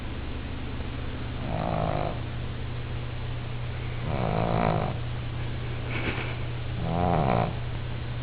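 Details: Sleeping female: four rough, rattling snores over a steady background hum, about one every 1.8 seconds; snoring in sleep.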